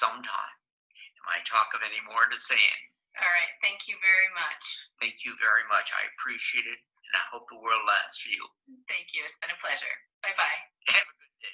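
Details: Adult man with Wernicke's aphasia, a comprehension-affecting aphasia in which he is unaware his speech does not make sense, talking with a speech-language pathologist; Wernicke's aphasia.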